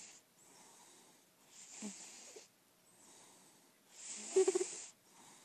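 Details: Soft, breathy snoring with a brief fluttering snort, from a sleeping senior lilac point Siamese cat, indoor only and described as in perfect health.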